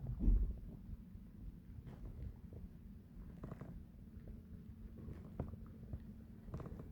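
Low rumbling and gurgling, with a short louder gurgle at the start; stomach growling, ordinary digestive bowel sounds.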